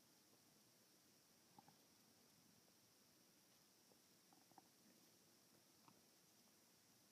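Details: Bowel sounds (stomach growling).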